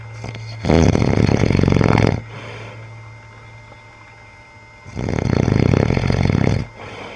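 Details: Adult man sleeping and snoring loudly, "sawing logs".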